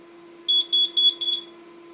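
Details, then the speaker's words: Four shrill, high-pitched beeps over a steady hum. This is the fluid (leak) detector alarm on an NxStage One home hemodialysis machine, sounding when liquid bridges its two silver bars, demonstrated while setting up the machine for a patient with lupus. "when liquid makes a connection between those two silver bars it sounds an alarm and it sounds like this"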